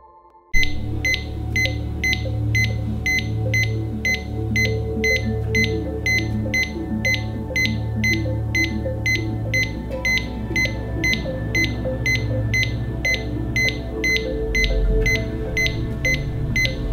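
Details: Cardiac monitor showing sinus tachycardia: fast, regular beeps of about 140 a minute over a low hum.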